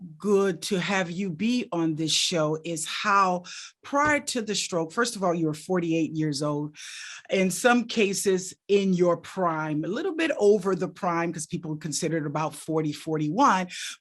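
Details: Adult speaker; no disorder.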